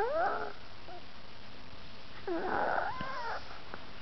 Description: My fat chihuahua falling asleep, making sleepy noises!